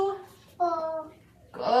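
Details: Boy aged 3 years 4 months with childhood apraxia of speech imitating CV syllables with the 'ooh' vowel; each target is produced two different ways, never correctly, showing inconsistent vowel deviations; childhood apraxia of speech (vowel errors).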